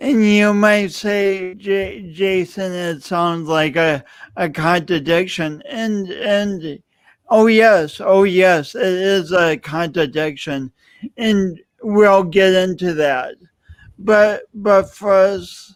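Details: Dysarthric speech in an adult man who lost oxygen at birth, with a pronounced lifelong speech impediment and an unusual gait.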